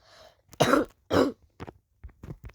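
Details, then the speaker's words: A child acting in a classroom drama fakes two loud, harsh coughs and a few softer short throat bursts: an acted cough. "Saya mau keluar bu saya mau batuk Bu"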